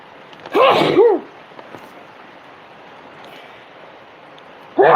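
A loud double sneeze followed by steady background hiss, with another sneeze starting at the end; repeated sneezing from allergy.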